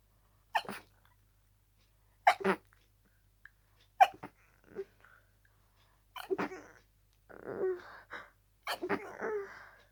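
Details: Harsh, rapid sneezing fit with a cold: six harsh, explosive sneezes in quick succession with brief gasping breaths between, barely time to breathe between each sneeze.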